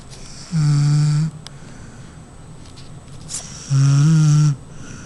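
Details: Two loud, steady, low-pitched snores about three seconds apart, with quiet breathing between them; a woman snoring during sleep.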